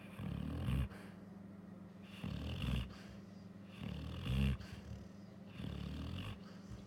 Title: Female Labrador dog gets woken up from snoring and twitching nerves